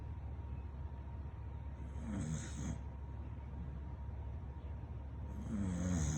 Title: American Bully Snoring